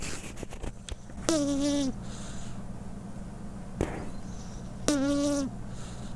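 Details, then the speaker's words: A sleeping cat snoring, recorded with a lavalier microphone held to her nose, two high whistling nasal snores about three and a half seconds apart. "hat I heard some sounds similar to snoring have you ever heard a cat snoring now you will hear"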